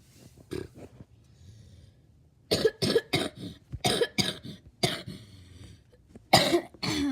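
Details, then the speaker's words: A fit of repeated harsh, dry-sounding coughs in quick clusters with brief pauses, from a person who has a fever and says they are coughing less than before. "Okay, I'm not coughing as much, but I do have a fever. Just don't know why I'm not coughing as much."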